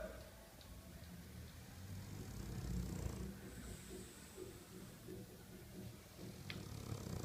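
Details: French Bulldog snoring: quiet, low rattling snore with steady fluttering breath noise from a short-nosed dog.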